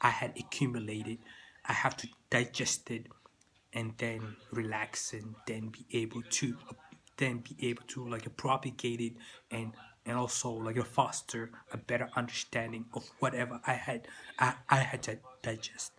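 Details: Stuttering in an adult man who says he still stutters, with word repetitions.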